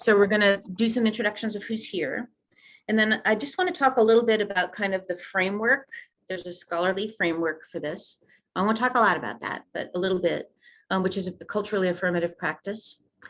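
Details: Adult woman speaking; normal voice.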